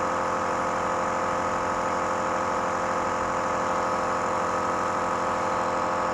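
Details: Child Uwais with cough and cold receiving nebulizer treatment: loud, steady mechanical hum with a rapid buzzing rattle from the running nebulizer compressor.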